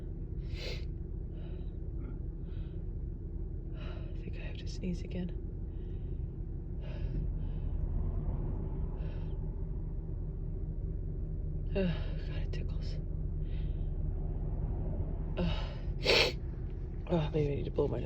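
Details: Woman with allergies: a string of short, sharp in-breaths and catches of breath over a steady low hum, gasping as a tickly, teasing sneeze builds, in an unedited recording.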